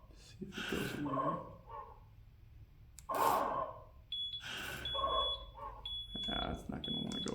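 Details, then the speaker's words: Zoll ventilator training demo for paramedics: high steady alarm tones over talk, an apnea alarm signalling the patient is not breathing, which keeps sounding after the simulated breathing resumes because the backup mode kicked in. "so once so the patient started breathing more the patient starts breathing again but the alarm is still it's still going to go just because it kicked into it"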